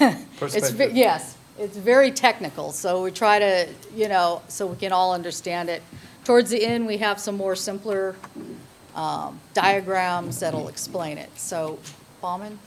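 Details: Adult speaker in a meeting room; normal speech.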